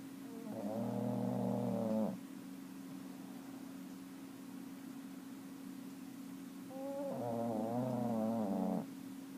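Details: Sleeping cat snoring: two long, rough, vibrating inhaled snores several seconds apart over a steady low hum; snoring during sleep.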